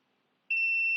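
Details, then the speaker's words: Runyes handheld dental X-ray unit, up and down keys held about 10 seconds after two beeps: silence, then a steady high-pitched long beep confirming factory reset of exposure settings. "device gives a long beep and release the button to restore the factory state state"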